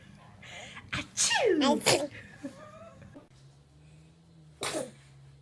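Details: Infant: small gasp then a sharp high-pitched sneeze with squeaky trailing voice, and another brief sneeze later; normal infant sneezing.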